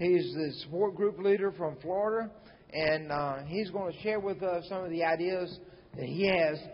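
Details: Adult male speaker; typical speech.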